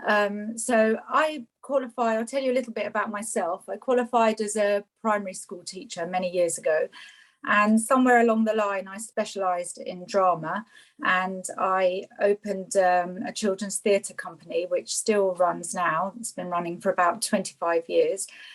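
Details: Adult woman speaking; fluent speech.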